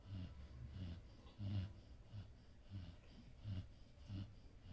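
Soft, rhythmic snorting breaths at about 45 breaths a minute, a low rattling snore with faint whistling.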